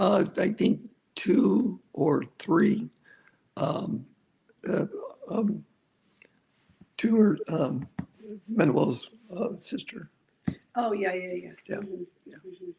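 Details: Aphasia in an adult male stroke survivor after a severe stroke, following over a decade of rehabilitation.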